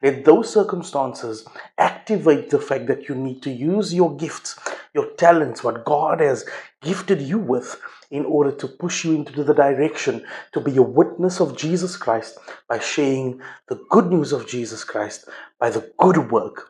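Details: Adult male speaker; normal speech.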